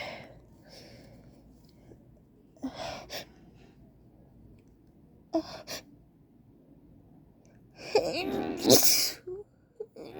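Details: Person who says they feel very sick has an allergy sneeze attack: a run of forceful sneezes with gasping in-breaths, building to a loud final burst.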